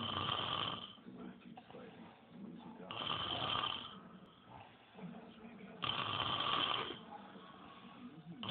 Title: snoring!!!